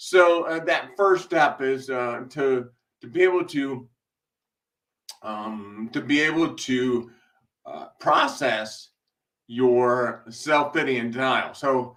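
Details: Male speaker with a self-described speech impediment causing delayed speech, having a rough speech day; blind for six months from 2011, partial vision restored after brain surgery and multiple eye surgeries; speech disfluency with hesitations and pauses.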